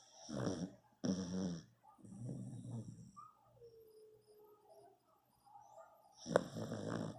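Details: Dog snoring: rough, rattling snores with a faint whistling tone between them; snoring.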